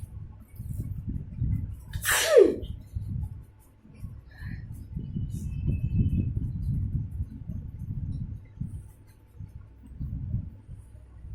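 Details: One forceful sneeze in a sneezing challenge, provoked by something deliberately put in the nose, over loud, muffled background noise; a sneeze.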